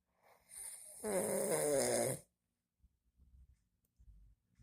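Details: An adult man, the father, snoring in sleep: one loud, rough, buzzing snore lasting about a second, then quiet breathing and faint rustling; snoring.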